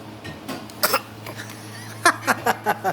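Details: 8-month-old baby girl fakes a cough on hearing "coronavirus": a run of short, deliberate little cough sounds, playful imitation rather than illness.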